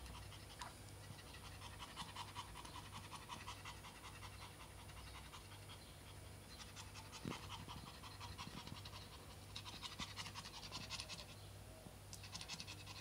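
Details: Small dog, Prague ratter, on a very hot summer day, gasping for air: rapid, shallow bursts of heavy panting.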